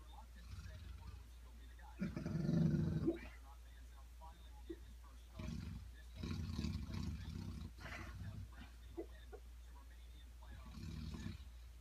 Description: My 1 year old black lab Rambo snoring away and dreaming away.